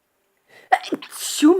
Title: Sneezes 3 time